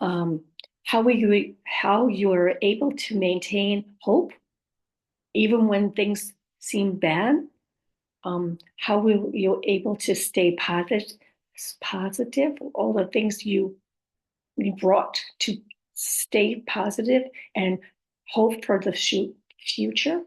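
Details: Adult woman whose communication challenges were caused by a stroke; post-stroke aphasia with apraxia of speech and dysarthria.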